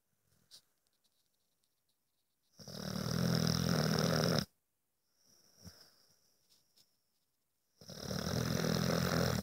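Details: Two loud, rough, rumbling inhalation snores with a quieter breath between, from a sleeping dog that snores like this all night.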